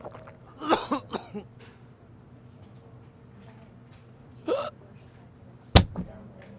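Several short, abrupt voiced gulps, each a sudden catch in the throat, spaced irregularly with quiet between: hiccups.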